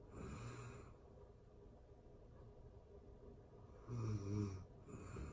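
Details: Real-time recording of a person asleep: quiet breathing, then two low rattling snores on inhalation near the end against faint room hiss; snoring.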